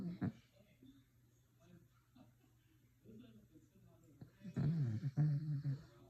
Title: Listen to this dog snore ￼